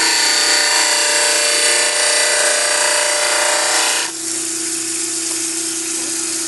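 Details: Steady loud grinding whine of a wet dental model trimmer trimming a lower plaster dental cast in a gentle curve from canine to canine, then a high steady tone as the wheel spins on after grinding stops.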